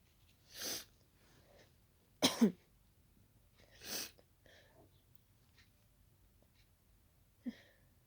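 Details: Allergy sneezing after closely smelling daisies, described as tickly: several wet, explosive sneezes with short snorts between them, in a quiet room.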